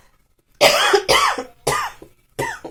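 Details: An adult woman who is still ill and recovering, with a rare dry cough and some weakness, gives four harsh, slightly loose cough bursts.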